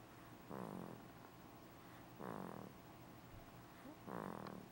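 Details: Soft, short, fluttering snores about every two seconds over a hissing background; quiet snoring.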